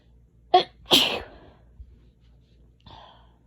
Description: A few sneezes from allergies